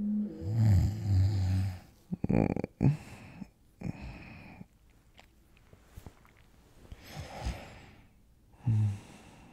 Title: ASMR: falling asleep next to your boyfriend (sleep sounds) (light snores)